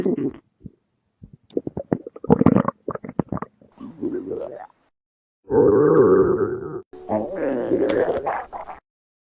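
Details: A run of gurgles and squelches, then two long, low, groaning rumbles: a cartoon-style male hungry stomach growl (borborygmi).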